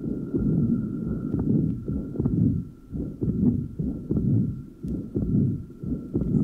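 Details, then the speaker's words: 55-year-old with tricuspid stenosis and regurgitation, lower sternal border: soft first heart sound, blowing pansystolic murmur and fairly long diastolic murmur, loudness varying markedly with respiration. "the next recording at the lower sternal border of a 55-year-old patient with both tricuspid stenosis and incompetence illustrates The Marked respiratory variation of tricuspid murmur the first heart sound is fairly soft there is a great two blowing panc stolic Mur and a fairly long diastolic Mur in"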